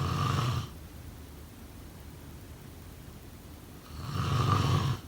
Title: Snoring sound …